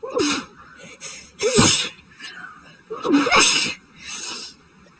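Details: Sneezing fit after going outside to check the mail during a very high pollen count; person suspects a new grass allergy, as grass normally doesn't bother them. Three forceful sneezes within five seconds, each with a sharp inward catch first.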